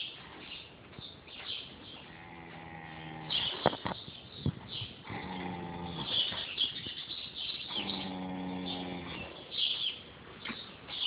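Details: Snoring during a nap: rhythmic, buzzing, tonal snores with each breath in, about every three seconds, with quiet breathing between them.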